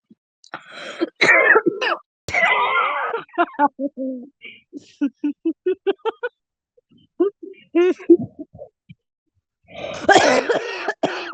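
Harsh, rough coughing bursts from an adult with voiced, choppy pulses between them, consistent with a smoker's cough.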